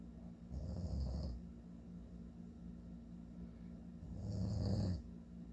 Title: My dad snoring again